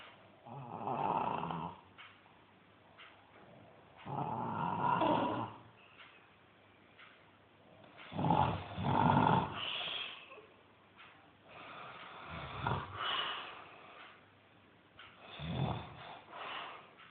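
Soft, irregular snorting snores about 15 times a minute with quiet breathing between, in a small room; snoring.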